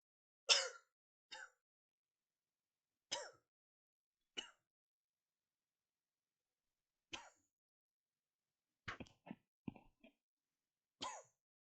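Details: Adult with Tourette syndrome on an ordinary tic day, not a tic attack, after a stressful workday suppressing tics: short, sharp coughs and throat-clearing in irregular bursts, vocal coughing tics.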